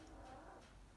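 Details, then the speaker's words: Four-pound Chihuahua snoring in the background while asleep: quiet, steady, rattly low rumble in a quiet room. "if you can hear my doggy snoring in the background that's him my little four pound chihuahua"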